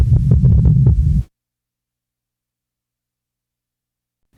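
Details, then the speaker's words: Low heart thumps recorded at the apex of an elderly male patient with heart disease, with S3 and S4 forming a four-sound quadruple rhythm (gallop). "now listen to all four sounds taken at the Apex of an elderly male patient with heart disease"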